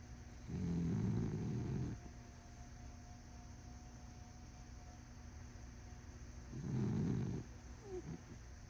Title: My Dog Snores so so Loud for a little dog wth #snores #loud #dog #dogsnoring #fyp